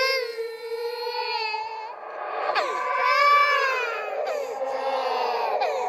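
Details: Simulated ghost baby crying from a horror sound-effect compilation: high, wavering wails with sliding pitch and an eerie, echoing quality; infant cry.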